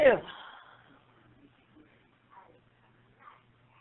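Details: Sneeze induced by a plastic clothes tag: one abrupt sneeze burst, then a quiet room with faint breathing and hum.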